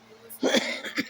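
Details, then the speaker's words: A single brief throat-clearing cough from an adult woman, a grandmother, whose voice is croupy for an unknown reason (she wonders about sinus), with a short voiced tail. "You'll have to excuse my voice. It's kind of croupy for some reason."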